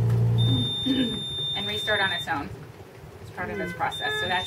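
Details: Puritan Bennett 840 ventilator: steady high-pitched electronic tone over low hum and faint voices as it shuts down and restarts after self-test override; normal restart tone.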